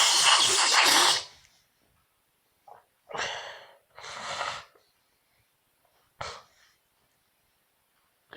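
A loud burst followed by several shorter breathy expulsions with quiet pauses between; repeated sneezes in a quiet room.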